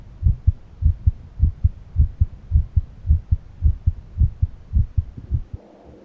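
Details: Own heart auscultated with a stethoscope at different valve areas: steady, clear lub-dub at about 105 a minute, two distinct sounds each cycle and no added noise between them; normal heart sounds.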